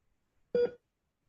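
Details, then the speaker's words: Single short pure beep in a quiet background, an audio-drama cardiac monitor beep, each beep marking an EKG spike; heart monitor beep. "cardiac monitor. We see the spike of the EKG strip with every beep."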